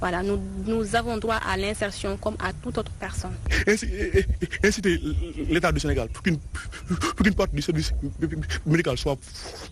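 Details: Speaker at an International Stuttering Awareness Day event held by a stuttering association in Senegal; stuttering.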